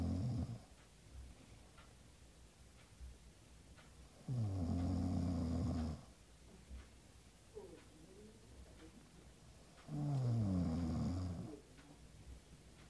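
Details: Person snoring: loud, rattling snores on the in-breath, about 11 breaths a minute, with quiet pauses between.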